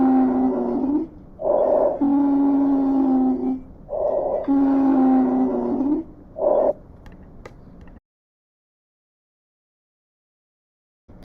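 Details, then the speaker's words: Wheezes heard on lung auscultation with the stethoscope diaphragm over the side of the chest, between the ribs. "here's an example of wheezes"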